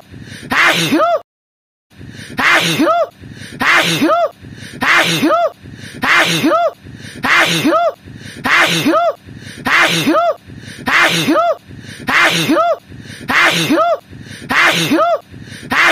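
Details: A single sharp sneeze repeats about 50 times a minute, each a quick in-breath and then a forceful burst: repetitive sneezing.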